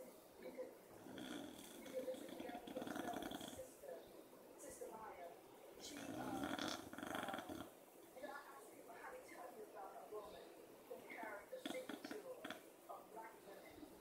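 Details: Beagle snoring during an afternoon nap beside a dachshund: snorting, throaty breaths with fluttering noisy stretches, uneven rhythm; dog snoring in sleep.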